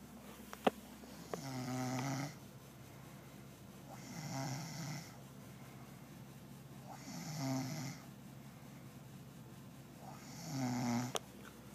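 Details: Soft, rhythmic snoring with a low buzzing tone on each breath, about 19 breaths a minute, in a quiet room.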